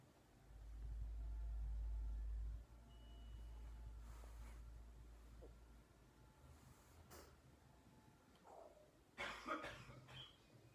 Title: Caspar clambering on me while my dad coughs in the other room